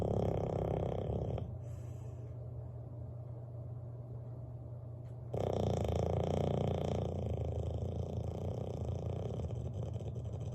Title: Loudest snoring Bulldog in the world!